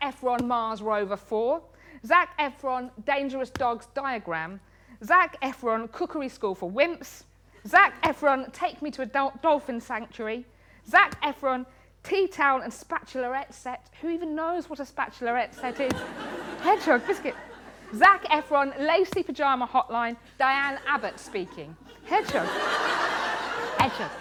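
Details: Woman in her 30s with Tourette syndrome, tics present since age six; involuntary vocal tics, most often "biscuit" and "hedgehog", plus coprolalia. Finding: Tourette syndrome vocal tics.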